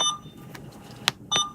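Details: Alaris 8100 large volume pump module on the point of care unit, training demonstration while setting the volume to be infused to simulate a KVO alert: short high-pitched keypad beeps with quiet room noise between them.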